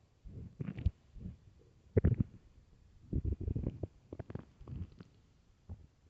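Loud, irregular gurgling and rumbling bursts from the belly, typical of hunger growls from an empty stomach.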